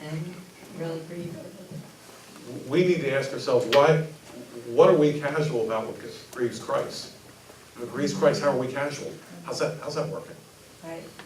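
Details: Adult man speaking; normal speech.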